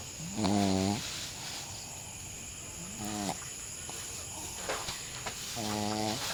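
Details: Snoring from Charlie, a Shih Tzu dog, sleeping after a long day: short, buzzy, tone-like snores separated by quieter breaths, over steady background hiss.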